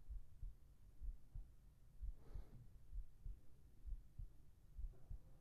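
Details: Recorded heart sounds for a sleep-relaxation track with whispered voice: soft, steady low double thumps at about 65 beats a minute with faint hiss; a regular, normal-sounding heartbeat.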